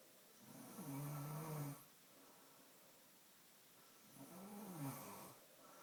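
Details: Two rough, low, fluttering breath sounds about four seconds apart with quiet pauses between, in a small room: snoring during sleep, and someone then says to stop snoring.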